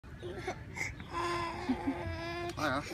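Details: 8-month-old boy crying: brief fussy whimpers rising into a sustained wail, then a wavering cry, in a quiet room.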